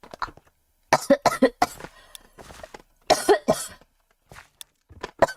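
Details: Young woman with a cold and a persistent cough, worse at home, coughing during a live stream: two clusters of short, dry coughs, about six in all, with quiet room noise between.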